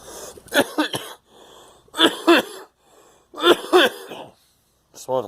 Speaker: Swallowed the coffee wrong.